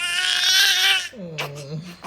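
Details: A loud, high-pitched wailing cry, then softer whimpering, from a newborn just after an induced vaginal delivery with epidural following 18-hour labour; a normal, vigorous first cry.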